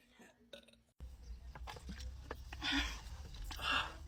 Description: Ranking the most iconic Sprite Challenge burps 😮💨